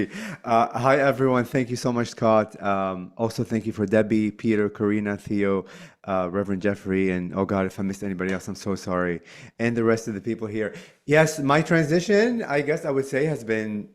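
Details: Adult male speaker; Normal conversational speech.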